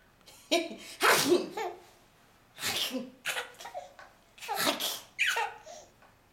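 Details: Deliberately imitated sneezing sounds that make a six-month-old baby laugh.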